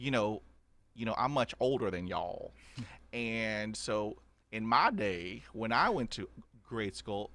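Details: Adult man stuttering since childhood, about 80% fluent after 20 years of speech therapy, still with blocks and repetitions; stuttering.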